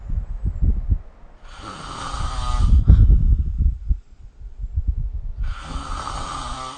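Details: Snoring recorded with the SnoreLab app: loud, harsh, fluttering snores in long drawn breaths, about two in seven seconds, deep and rattling; heavy snoring during sleep.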